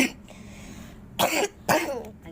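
A child gives two short, harsh coughs about half a second apart against a quiet room background; a plain cough.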